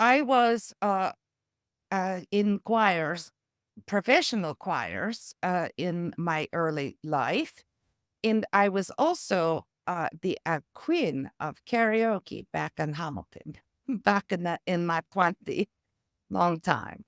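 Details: Adult woman with aphasia and apraxia of speech from a stroke-related brain injury, using music, a metronome and rhythmic tapping to support her speech; aphasia with apraxia of speech.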